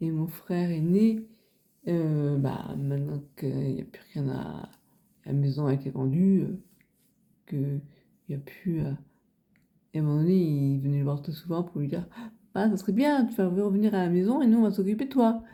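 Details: Man of nearly 90 with aphasia for over 30 years after a hang-gliding accident that caused a head injury and a month-long coma; possibly his own voice or his daughter's imitation of it; aphasia.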